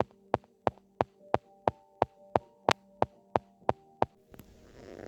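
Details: Simulated heart sounds played with ECG examples: rapid, regular heartbeats at about 180 a minute, fitting supraventricular tachycardia (SVT).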